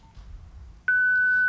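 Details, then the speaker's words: After quiet room noise, a loud steady high tone begins and holds: corpuls1 defibrillator charging through shock paddles fitted with baby electrode adapters (energy auto-reduced to 1/10), contact surfaces together for a function test. "Next, we bring the two contact surfaces together. We load the energy with one of the two shock paddle buttons"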